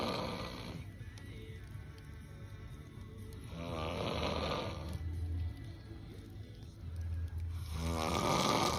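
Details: Man snoring: rough, rattling snores on the in-breath roughly every four seconds, with faint music in the background; ordinary snoring.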